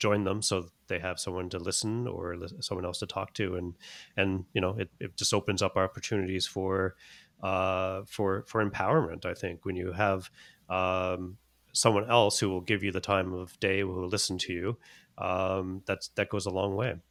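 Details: Stuttering in a 21-year-old man, a former covert stutterer who now stutters openly, speaking English as his second language.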